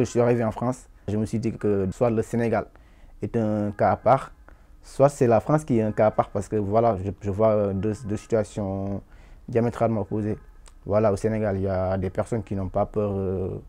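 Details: Adult man from Senegal who has stammered as part of who he is, not from stress, with uncontrollable blocks, tense jaw and forced effort when speaking; stuttering.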